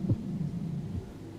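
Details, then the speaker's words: Simulated VR patient, stethoscope on the heart: low, widely spaced heart thumps, slow rhythm around 42 beats per minute; possible third-degree block or STEMI suggested: bradycardia. "what's the first thing you notice about listening to this Heart tone [Music] that is slow AF my friend"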